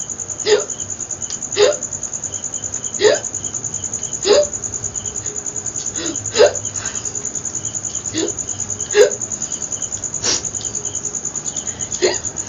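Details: Bout of hiccups, about nine short abrupt hiccup sounds in twelve seconds, over steady insect-like chirping, during a long-duration hiccup challenge in a Bengali vlog.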